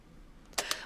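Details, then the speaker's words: Freedom 60 spring-driven syringe pump set up for home subcutaneous immunoglobulin (SCIg) infusion: quiet room, then two sharp plastic clicks as the syringe and precision tubing disc seat; normal mechanical sound. "holding the syringe in place turn the pump on continue to hold the syringe in place until the black tab clicks into place the black tab will push the plunger of the syringe to Prime the tubing with medication"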